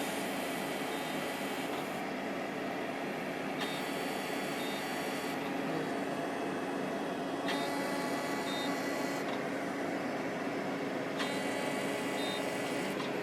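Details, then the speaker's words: Fractionated CO2 laser resurfacing of a woman's fine lines and wrinkles around the mouth and brown spots: steady machine hum with repeated two-second bursts of hissing and small beeps. "we're going to work on with the fractionated CO2 is she's got a lot of little fine lines and wrinkles around around her mouth area"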